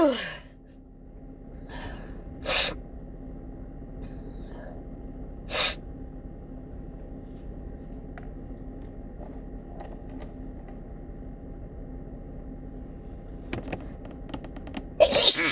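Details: Morning sneezing fit, suspected fall allergies: several sharp, sudden sneezes a few seconds apart in a quiet room.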